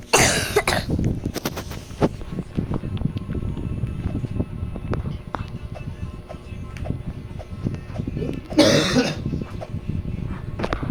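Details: Two short bursts of coughing from a brother, at the start and near the end, over video game sounds and music.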